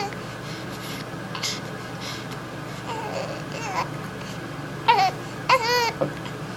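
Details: Six-week-old infant with hiccups crying: short whimpers and brief cries over steady room hum.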